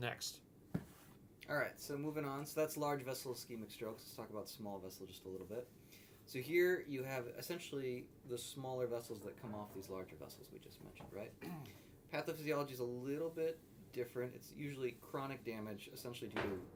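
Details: Adult male speaker; normal speech.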